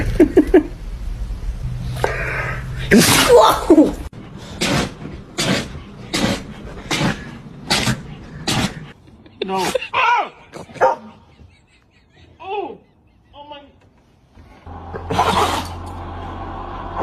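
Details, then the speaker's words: A dog sneezing with a big, rapid run of about ten short, sharp sneezes, then softer snorts, with voices in the background. "Oh my goodness. What a big sneeze. A poor little buddy."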